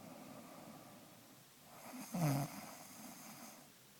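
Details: A sleeper gives a single low, rattling snore on an inward breath, rising out of quiet room noise; snoring.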